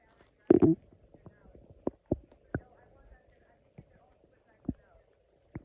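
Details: Loud stomach growling after drinking coffee on an empty stomach: gurgling, squelching growls with a loud burst early on, then scattered shorter gurgles; borborygmi.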